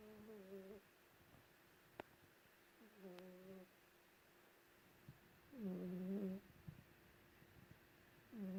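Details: Snoring from Lulu, a cat asleep under a white blanket in a quiet room: soft, low buzzing snores with a slight hum, repeating every few seconds; owner often hears it from another room. Ordinary cat snoring.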